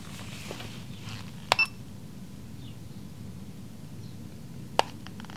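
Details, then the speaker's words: Simulated ASMR chiropractic exam role-play: two sharp electronic beeps a few seconds apart over quiet room hiss as an ear thermometer starts and finishes a reading, 98.3; ear thermometer beep. "Let's go ahead and take your temperature. This is going to go in your ear, okay?"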